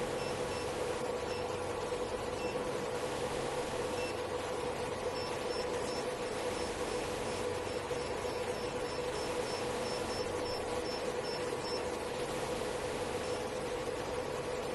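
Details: Portable diode laser hair removal machine (755, 808 and 1064 nm wavelengths) running: a steady fan-like whir with a constant mid hum and faint repeated beeps.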